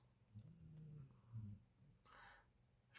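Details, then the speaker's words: A dog snoring while asleep: faint, low rumbling snores followed by a soft breathy exhale against quiet room noise. "pense que vous entendez mon chien en train de ronfler"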